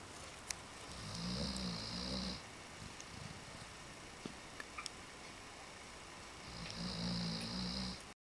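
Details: A very tired dog sleeping after four days at Canine Cove: two slow, low, rattling snores with a soft hiss, separated by quiet breathing.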